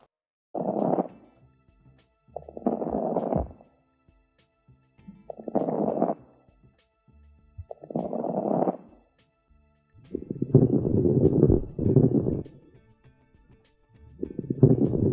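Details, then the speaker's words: Fine crackles, typically heard at the lung bases: high-pitched, brief, discontinuous moist popping on each breath. "crackless halus bunyi bernada tinggi sikat dan tidak bersambung bunyi ini biasanya terdengar di bagian basal paru"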